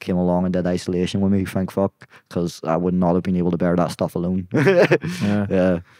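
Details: Young adult man with Tourette syndrome; tics began at 16 as a shoulder tic, spread across the body, then vocal tics followed; involuntary blurted words and swearing interrupt speech, worse under stress and cameras; Tourette syndrome vocal tics.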